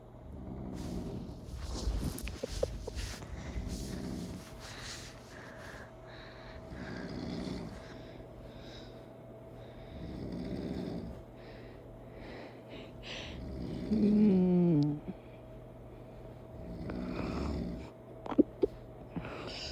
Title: Funny snore effect part 2